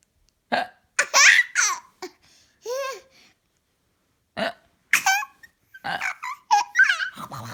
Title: 1 May 2017 Giggles with pretend hiccup